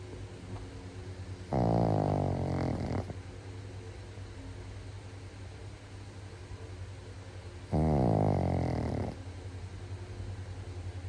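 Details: Dog snoring: two long, loud, deep, rattling snores about six seconds apart over a steady low room hum.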